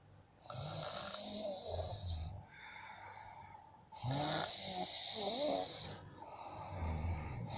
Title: #2Monster snore...#the revengeOfTheJowa